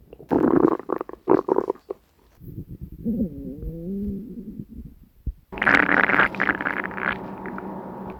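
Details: Hunger stomach growling recorded from the person's own belly: bursts of gurgling and low rumbling growls with a drawn-out creaking groan; normal borborygmi.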